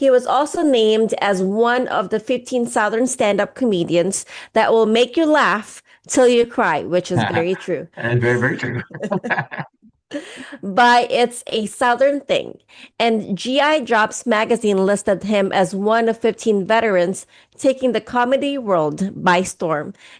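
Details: Adult male speaker reading aloud, with a brief second voice interjecting; typical speech.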